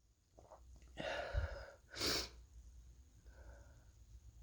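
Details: Person sick for several days, possibly with a cold: two sneezes in quick succession, each a short inhaled build-up then a sharp burst, with faint room noise; sneezing.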